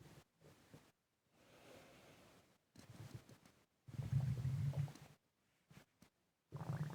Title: Heavy breathing and stomach gurgling